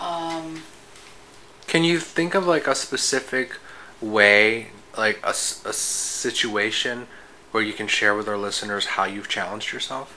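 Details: Adult speaker; normal speech.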